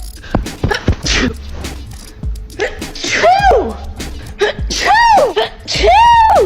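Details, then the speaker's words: Woman during allergy season, lying on the couch still sneezing constantly after three Benadryls that day: several loud, voiced sneezes in quick succession with sharp inhalations before them, music playing over. "here's me laying on the couch after I have had three benadryls today and still sneezing constantly"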